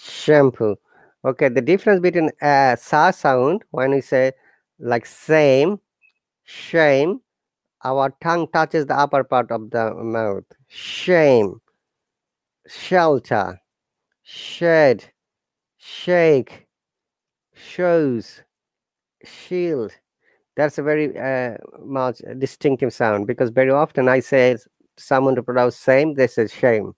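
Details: Adult speaker; no disorder.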